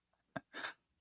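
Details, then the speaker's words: Pet cat sneezing repeatedly in a room during a podcast recording: a single small, sharp sneeze, a quick snap then a brief hissing burst of air. "my cat is in the room right now sneezing so if you're hearing sneezing I didn't know he was in here he's sneezing a lot"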